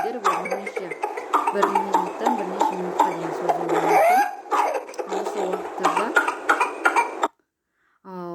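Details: Rapid runs of short coughs with a brief high-pitched drawn-in whoop, demonstrated in a lecture on pertussis; whooping cough paroxysm.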